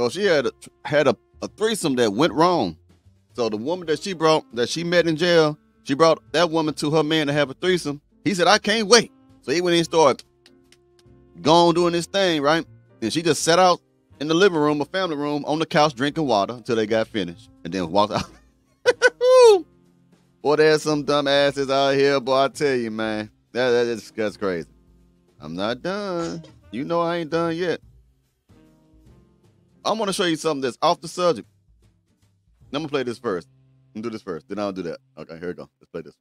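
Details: Adult male speaker; normal speech.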